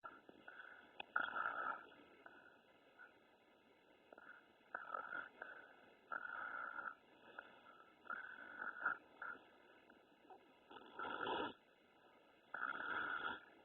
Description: I don't know whether to feel bad that my baby snores or feel bad for his future wife.